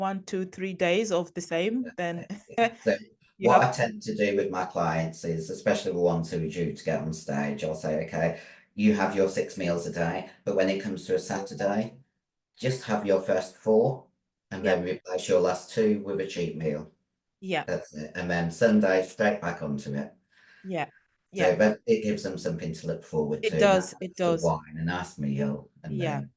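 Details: Adult female bodybuilder who took large doses of male steroids (performance-enhancing drugs); voice, formerly very high-pitched, became very deep and she can no longer sing; also has chronic kidney disease: androgen-induced voice deepening (virilization).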